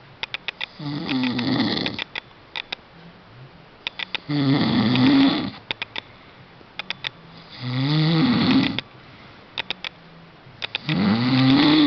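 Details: Snoring: loud, rough snores on each breath in, about 18 a minute, separated by quiet pauses and clicking sounds.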